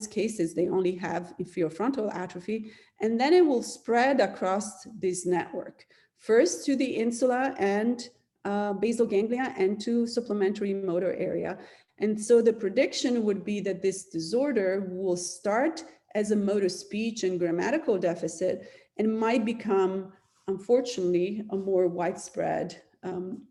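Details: Adult woman; normal speech.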